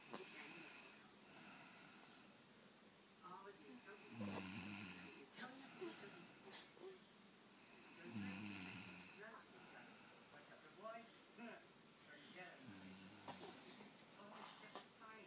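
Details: Woman (mother) snoring loudly in deep sleep: rough snores about every four seconds, roughly 15 a minute, with quieter breathing between.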